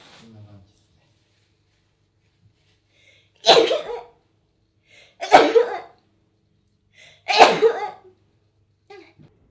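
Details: Three forceful sneezes in quick succession, each preceded by a brief catching inward breath, in a quiet room; repeated sneezing.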